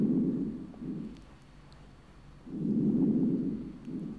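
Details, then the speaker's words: Normal vesicular breath sounds on lung auscultation, starting at the right upper chest (apex) and moving downward; soft, low rustling with longer inhalation and fainter exhalation, still vesicular. "jadi ternyata di sini bunyi napas pokok Di sini masih normal vesikuler"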